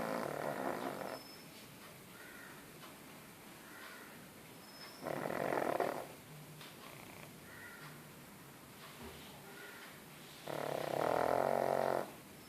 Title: Snoring Pug അഥവാ (കൂര്‍ക്കംവലി Pug)